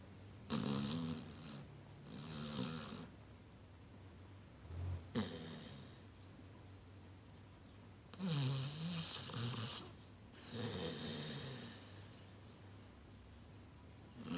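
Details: Puppy snoring while napping alongside a person and a cat: soft snuffly snores with breath-in and breath-out noise, about five breaths in fourteen seconds, around 20 a minute.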